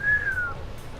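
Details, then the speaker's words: Imitated, not a patient: a pulmonologist blows through nearly closed lips, making a thin whistling tone like the chest wheeze of narrowed bronchi in asthma or bronchitis attacks. Wheeze (imitated). "E aí faz o barulhinho. O chiado de peito, que muitas vezes percebe. Naquelas crises de asma, crise de bronquite aí."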